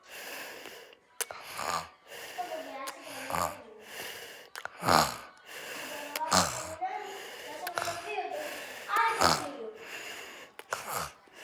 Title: Mi hermanito roncando 😴. My brother snores 😴